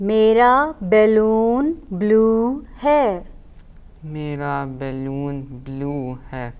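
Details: Hearing-impaired child with a cochlear implant repeating short sentences in an articulation therapy session; hearing-impaired speech.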